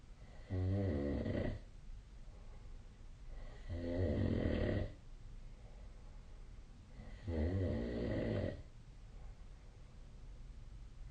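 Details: Snoring: three loud, rattling, low-pitched snores about every 3 seconds, roughly 18 breaths a minute, quiet breathing between, faint room hiss.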